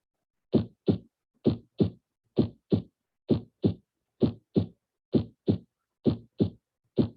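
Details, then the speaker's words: Steady lub-dub heartbeat at about 65 beats a minute: normal S1 ("lub") and S2 ("dub") heart sounds, played as a teaching example for parents learning vital signs. "the s1 heart sound is usually described as sounding like the word love and the s2 heart sound dub let's put the heart sounds in so you can appreciate this better"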